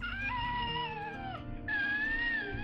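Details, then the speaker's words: Cri du chat (cat's cry) syndrome: two high-pitched, thin, mewing wails like a cat, the characteristic high-pitched cry of a person with this syndrome. "so that is a cat's cry uh that is a high-pitched cry of a person that has this kind of uh syndrome that we have right"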